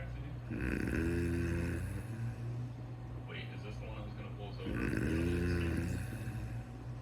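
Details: Snoring in a female sleeper said not to snore: deep, buzzing snores with slow breaths about four seconds apart over a steady low hum; loud snoring.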